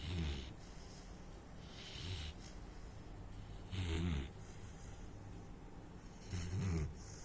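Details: Deep, rumbling snores with each in-breath, about three in seven seconds, from a sleeping Saint Bernard puppy; snoring.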